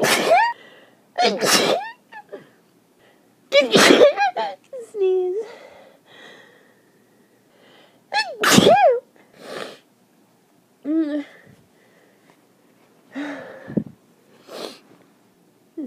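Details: Morning allergic sneezing blamed on end-of-summer pollen: about six wet, explosive sneezes, several preceded by a sharp in-breath, separated by pauses; repeated allergic sneezing fits.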